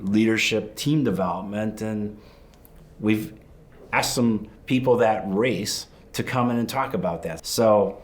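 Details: Adult male speaker; normal voice.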